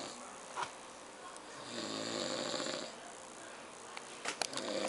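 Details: One long, rough snore on the in-breath with faint room noise and a few clicks; a man snoring loudly.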